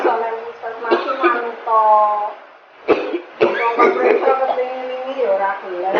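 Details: Acted scene: adult man with cough lasting 3 weeks despite home remedies, suspected tuberculosis, coughing: chronic cough.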